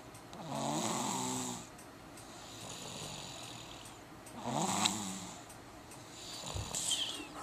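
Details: Loud, rough, buzzing snoring breaths repeating every few seconds with quieter exhalations between; typical adult snoring.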